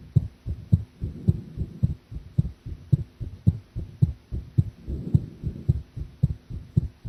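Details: Steady lub-dub heartbeats at about 109 beats a minute, a little fast, with a low background hum, recorded while drinking coffee during a live heart-sound stream; the person felt the heartbeat seemed unstable.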